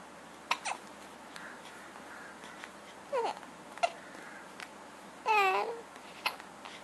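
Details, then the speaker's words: Hiccups in a young lady trying to talk through them: several brief, sharp voiced catches, some with a short squeaky vocal note, in a quiet room. "saham is currently experiencing her famous hiccups she's going to show you what a great hiccup her she"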